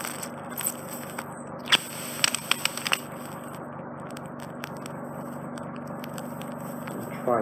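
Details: Endoscopic ear microsuction of an impacted wax plug in a regular patient needing removal every 4–5 months. Crackling, scraping suction noise with sharp pops as the plug is drawn out. The eardrum looks healthy afterwards.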